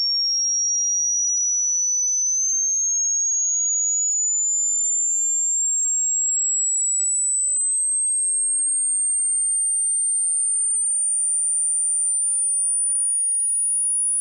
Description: Test your hearing and share your result here... mine goes silence at around 11k